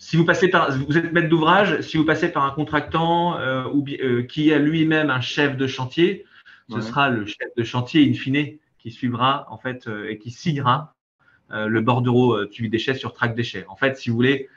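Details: Adult male speaker; normal voice.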